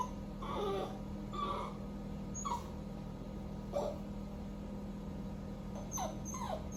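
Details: 3-month-old male Cockapoo puppy left alone while his owner bathes: repeated high, thin whimpers and whines, a sign of separation distress, over steady background hum.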